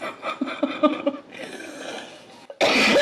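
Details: Adult gives a loud, harsh cough burst mid-meal after brief speech, while eating a salad; excuses herself after.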